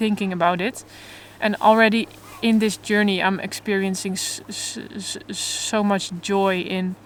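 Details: Adult woman who stutters openly but in a controlled way while trying to avoid stuttering, in stuttering therapy for the first time; stuttering.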